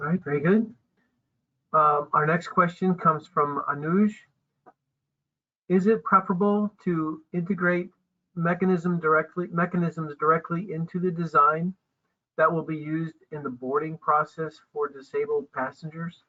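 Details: Adult speaker; ordinary speech.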